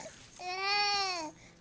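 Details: Young child talking and playing with toy animals, recorded on a Flip Video camcorder: one brief, high, clear-toned wail of about a second, rising then falling; a short infant cry or squeal.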